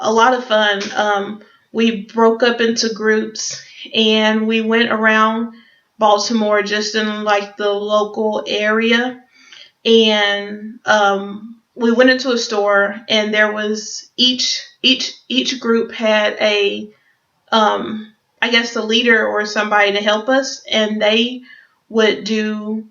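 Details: Adult who stutters, speaking English, with audible word repetitions; stuttering.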